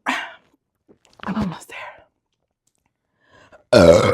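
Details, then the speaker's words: A woman burps while chugging a 50 oz beer: brief voiced throat noises, then one loud, deep, rumbling burp; she says she had to burp and feels better. "Uh, I had to burp. That feels better. There's more room now."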